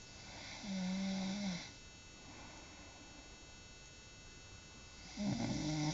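Two nasal, whistling snore sounds a few seconds apart over steady background hum; snoring during sleep.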